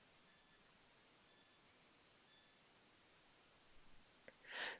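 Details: Checkme BP2 home blood pressure monitor starting a hand-to-hand ECG measurement after a short press of the white button; three evenly spaced high-pitched beeps about one second apart, then faint handling noise.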